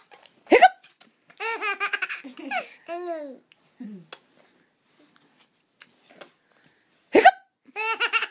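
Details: Baby with hiccups: sharp, abrupt hiccup sounds followed by bursts of baby laughter, with quiet pauses between; hiccups.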